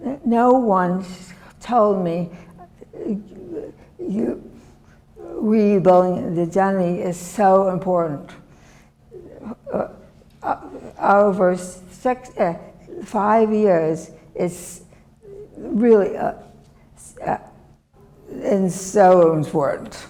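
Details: Adult woman with severe non-fluent aphasia and right-sided disability after a severe stroke in 2010; she had to relearn how to make sounds and say her name, and still cannot speak as before; non-fluent aphasia.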